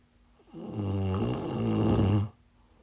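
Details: Person snoring while sick, recorded during a livestream: a single long, low, rattling snore on an in-breath, buzzing and steady in pitch, against a faint constant room hum.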